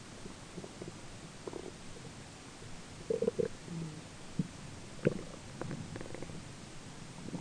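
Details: Adult's own belly grumbling during digestion: gurgling, bubbly abdominal rumbles over quiet room noise, with a roommate talking in the background; ordinary bowel sounds.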